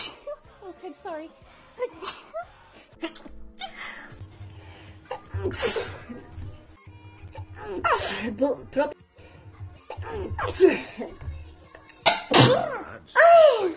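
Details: Sneezing: sharp sneeze bursts among speech, with background music playing.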